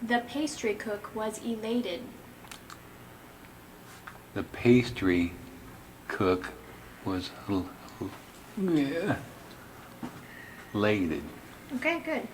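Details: Logopenic variant primary progressive aphasia, an Alzheimer's disease phenotype, in a man describing a picnic scene; subtle word-finding struggles, paraphasic (wrong-word) errors and phonologic sound errors in spontaneous speech.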